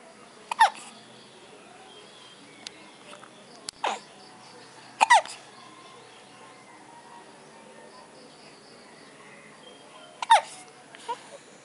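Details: Baby's first hiccups, with mother present: four short, sharp hiccup catches over about twelve seconds, with soft babbling and faint room noise.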